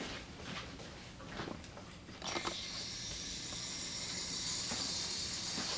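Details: Jet nebulizer attached in-line to a BiPAP circuit in a nurse training demo: handling noise, then a steady loud hiss as gas flow is turned on and the nebulizer produces medication mist.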